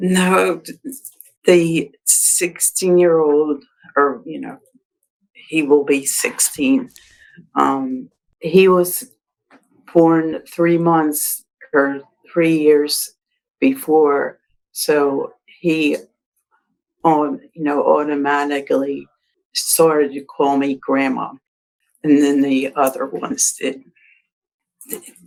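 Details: Adult woman with aphasia after a December 2022 stroke, mainly expressive, with word-finding difficulty; expressive aphasia.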